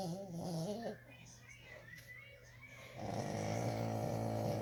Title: snoring frenchie